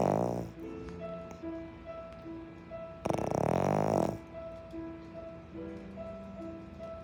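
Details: Dog snoring: loud, rough snoring bursts about every three seconds over soft piano music while the owner plays Interstellar.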